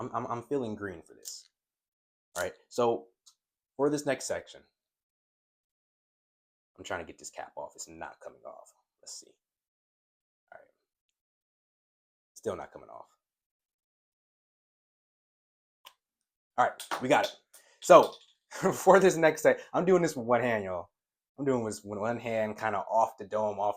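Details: Adult man who says his stuttering worsens with excitement about a topic, with part-word and whole-word repetitions; stuttering.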